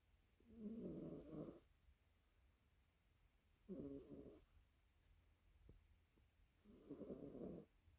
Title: The Snoring Black Cat... volume up #blackcatsmatter2 #blackcats